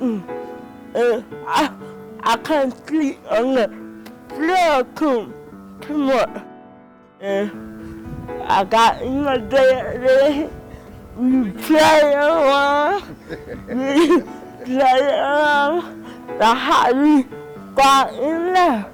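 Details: 31-year-old woman with cerebral palsy since birth; dysarthria (cerebral palsy).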